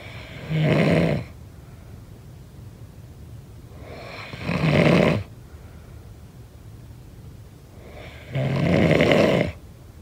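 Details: Adult snoring: three loud, harsh snores about four seconds apart, roughly 15 breaths a minute, over a steady background hum.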